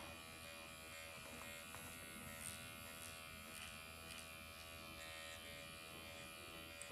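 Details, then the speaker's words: Steady high electric buzz with faint clicks: MD Needle Pen microneedling the face at 1.5 mm under numbing ointment; the person treated feels almost nothing, like a cat licking. "I don't feel anything. Sometimes it can feel like, I would say like a cat is licking you."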